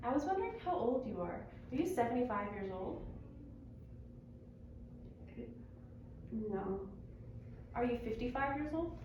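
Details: Adult woman, clinician; typical speech.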